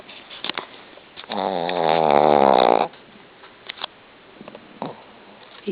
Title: Bear snoring after surgery